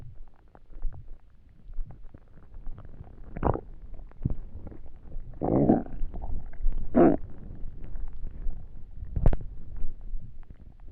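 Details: Person trying to sleep on an empty stomach. Stomach noises while lying down: borborygmi.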